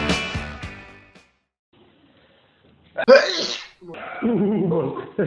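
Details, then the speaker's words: A single abrupt, explosive sneeze after a pause in a music remix track, followed by more music; a plain sneeze. "No ewentualnie jak czuję, że kicham, to wyjmuję chusteczkę, przykładam i kicham do chusteczki, to jest tak różnie."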